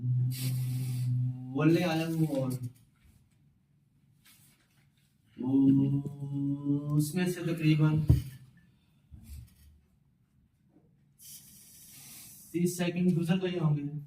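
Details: Male stuttering-seminar participant doing a timed self-introduction with the course's fluency-shaping technique (slow, prolonged speech with pauses); stuttering with fluency-shaping.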